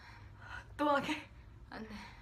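A sudden high-pitched sneeze burst with a short voiced cry, amid quiet talk; an ordinary sneeze.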